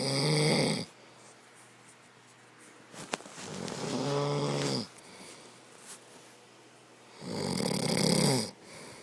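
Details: Husband snoring during sleep in a small room: loud, rough snores with each in-breath, separated by quiet pauses; ordinary snoring.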